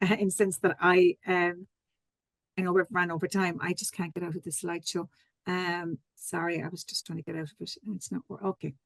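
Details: Adult female speaker; ordinary speech.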